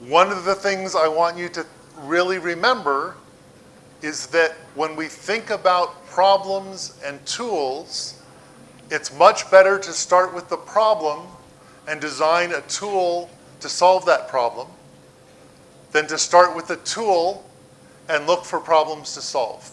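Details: Adult man speaking; typical speech.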